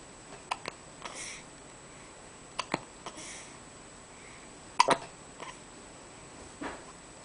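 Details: Hiccups with eyes open: short, sharp catching sounds repeating every second or two in a quiet room.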